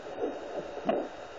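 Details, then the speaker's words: Fetal heartbeat heard with a home Doppler placed on the mother's abdomen with gel: rhythmic whooshing pulses. "um that's the baby's heartbeat so i have a doppler that you put on your stomach"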